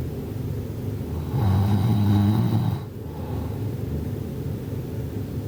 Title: Snoring at 56 decibels